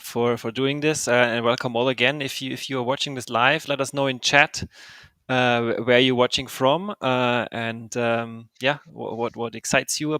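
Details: Adult man speaking; normal voice.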